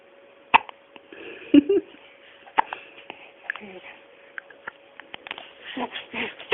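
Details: 5-day-old baby boy with hiccups: several sharp, brief catching sounds at irregular intervals against quiet room noise.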